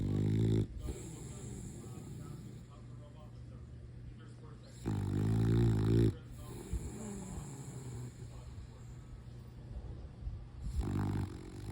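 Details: Low, rumbling snores from a sleeping French bulldog, a few loud breaths among quieter snuffling, about 12 a minute; snoring.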